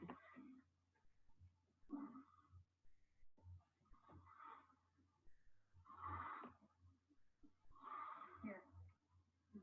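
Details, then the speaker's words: Horse with equine asthma (airway obstruction) breathing with great effort, nostrils hugely flared and a heave line: loud, effortful breaths with a rough whistling wheeze every couple of seconds. "you'll even if you listen very closely you'll hear this wheezing sound and she and the narrator will tell you about something called a heave lime so listen for that"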